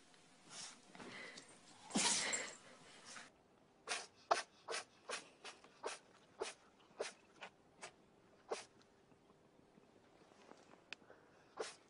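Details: Dog sneezing on command: one loud burst followed by a run of about a dozen short, sharp, snorting sneezes in a quiet room.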